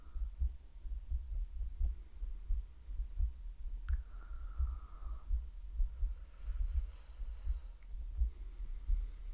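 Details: Soft, regular low thumps at about 86 beats a minute with faint room hum, from a woman in an ASMR medical roleplay; ordinary heartbeat.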